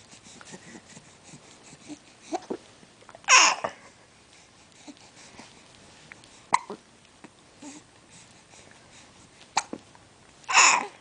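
Repeated short, abrupt catches of breath, about four or five in eleven seconds, with faint babbling between them; infant hiccups.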